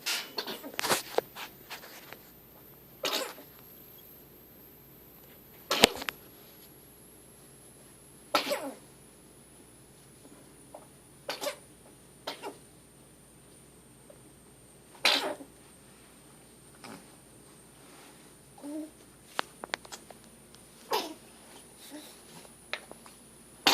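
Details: Cat with the same recurring coughing/choking fits for 3 months gives repeated sharp, dry coughs or choking-like bursts over about 24 seconds; coughing fit.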